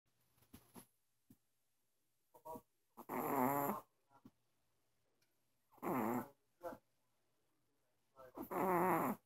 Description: My dog snores and snores and he eventually wakes up